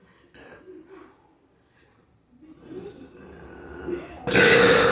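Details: Drinking then burping: gulping and drinking sounds, then one loud, drawn-out burp.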